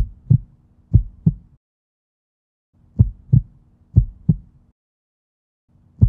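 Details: Edited heartbeat recording with every third beat cut out: low heartbeat thumps broken by long silent gaps, dropped beats or pauses.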